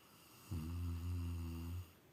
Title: How Aggressive Rottweiler Sleeps Snoring With Dad #snoring #rottweiler #dog #doglovers #funny #sleep